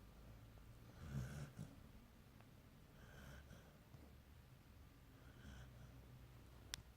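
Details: Quiet, low snorting breaths recurring every couple of seconds in a small room; soft snoring during sleep.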